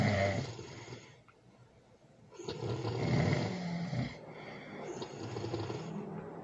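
Loud, rough snores with long drawn-out breaths, roughly ten a minute, in a quiet room. Heavy snoring.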